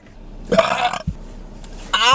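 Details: A short, loud, guttural burp, then a brief voiced sound a moment later; burping.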